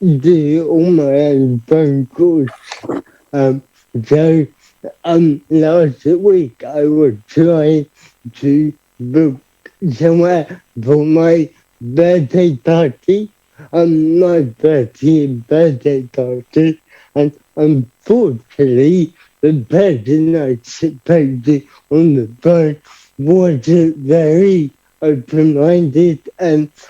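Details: Adult man with cerebral palsy who describes himself as having a speech impediment, heard speaking; dysarthria (cerebral palsy).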